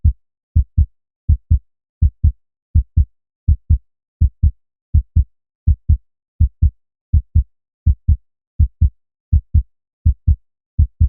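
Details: Continuous one-hour recording of a human heartbeat with pulse, intended as a sleep aid for babies: steady paired low lub-dub thumps, about 82 beats a minute in an even rhythm with quiet gaps, a regular normal heartbeat.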